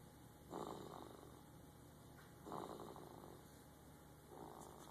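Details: Snoring while asleep at the office, recorded 7/20/12: soft, rhythmic snuffling snores about every two seconds over a steady background hum.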